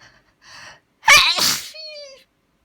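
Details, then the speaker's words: Person repeatedly announcing they are about to sneeze: quiet breaths in, then one loud, sharp burst of air through nose and mouth, then a brief voiced sound; a single sneeze. "gonna sneeze. Oh. Gonna sneeze again. Oh. Gonna sneeze again."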